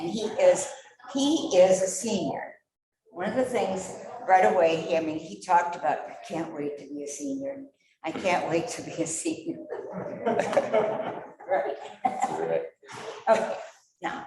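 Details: Adult woman speaking; normal speech.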